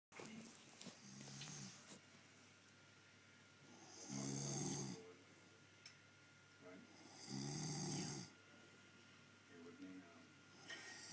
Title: My baby don't snore x